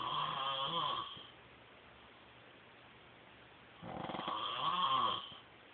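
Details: Adult man (husband) snoring in sleep: two loud, rattling, tonal snores on inhaled breaths, separated by a quiet pause; ordinary sleep snoring.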